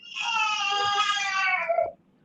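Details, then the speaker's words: Newborn crying: a sustained, high-pitched wail that rises and then stops, an ordinary infant cry. "Oh, you hear that? Baby's crying."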